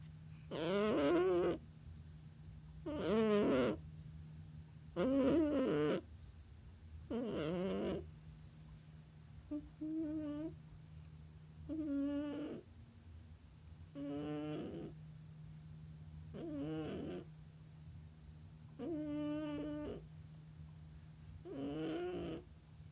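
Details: A sleeping cat snores in steady, regular rattling bursts, about 27 breaths a minute.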